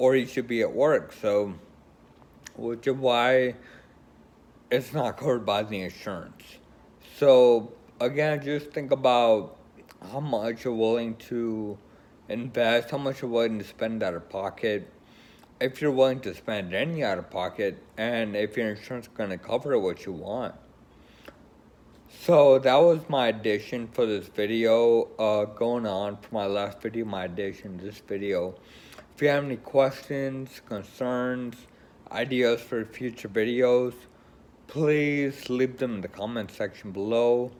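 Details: Adult man with Friedreich's ataxia who uses a scooter and is choosing a wheelchair; ataxic dysarthria (Friedreich's ataxia).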